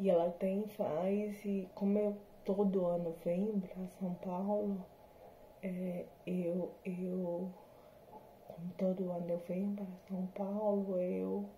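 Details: Adult woman with hereditary, progressive degenerative spinocerebellar ataxia type 7 (SCA7), symptoms since 2018, recorded after neuromodulation with speech therapy and physiotherapy; she says the disease shows in her voice and speech. Ataxic dysarthria.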